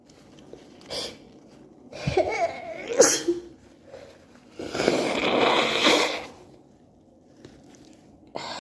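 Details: Allergy sneeze attack: several sharp sneezes in quick succession with inhaled gasps between them, then quiet; repeated allergic sneezing.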